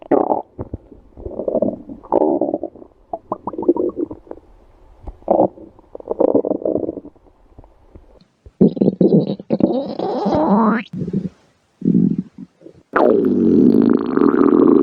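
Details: Woman's stomach growling (borborygmi), best heard on earphones: long gurgling, rumbling and creaking growls from the belly, rising and falling in pitch.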